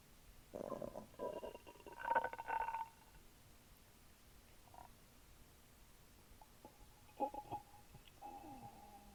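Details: Recorded over the stomach while drinking a small can of Sprite: bursts of bubbling, squeaky gurgles with quiet gaps, then a drawn-out tonal rumble: active bowel sounds (borborygmi).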